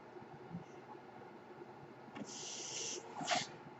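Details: Quiet room noise, then two airy hissing puffs about a second apart from the speaker's own mechanical ventilator cycling air while he talks. Mechanical ventilator sound.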